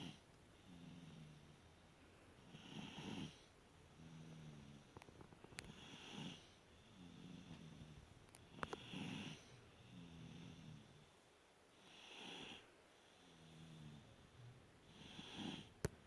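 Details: Toddlers asleep after a very long, tiring day: rhythmic snoring in a quiet room, rough rattling inhalations about every 3 seconds, roughly 20 breaths a minute.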